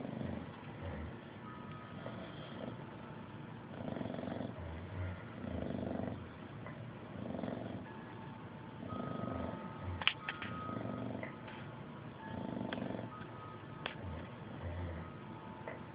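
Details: Sleeping English bulldog snoring during nap time in regular, rumbling bursts at about 35 breaths a minute.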